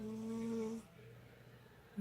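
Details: Sleeping cat snoring: one short, tonal, whistling snore followed by quiet breathing.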